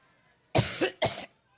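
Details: Two quick, harsh adult female coughs interrupting her Labor Day campaign speech in Cleveland, after she jokes about being allergic.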